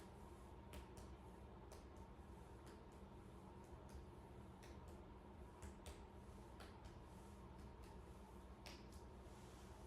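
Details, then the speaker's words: Head-to-toe nursing exam: percussion of the lung fields in the intercostal spaces, soft quick taps spaced across the back of the chest. "So now we'll peruss the lung fields in the intercostal spaces."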